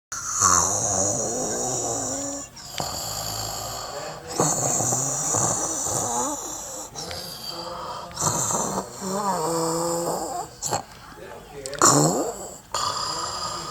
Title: #SNORING SANTA #SLEEPING SANTA